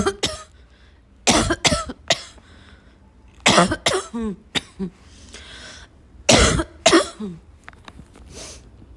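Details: Dry barking cough, repeated: harsh, dry, seal-like cough bursts, some in quick pairs, with quiet gaps, throat clearing and snorts; barking cough.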